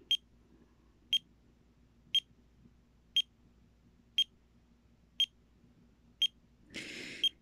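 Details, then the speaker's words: Steady high-pitched beeps about once a second, with a brief rustle, from a pulse oximeter put on by an adult who felt sudden stabbing head pains and reports low oxygen since weaning off a medication; pulse oximeter alarm. "popped on the meter popped on the oximeter oxygen meter and it started beeping and there it goes again"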